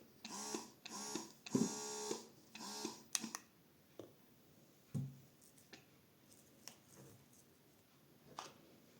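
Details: Swan baby S3 Pro Lacto electric breast pump demonstrated in suction mode and alternating massage-and-suction mode (nine intensity levels): rhythmic humming motor bursts about twice a second, then softer clicks and taps in a quiet room.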